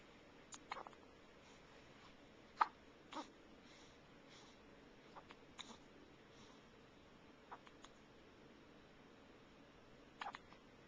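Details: Infant hiccuping, recorded on a Flip Video camcorder: soft, short catches of breath at irregular intervals with a few small baby noises over quiet room hiss.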